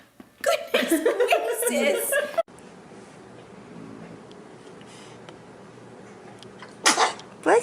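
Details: Baby sneezing: a burst of small high-pitched infant vocal sounds, quiet room noise, then one short sharp sneeze near the end, among repeated sneezes.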